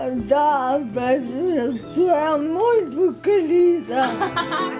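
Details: 33-year-old woman with ataxia, a neurological disease severely impairing movement and speech, whose illness began with fainting episodes; she is improving, mainly in the upper limbs, with home physiotherapy; ataxic dysarthria.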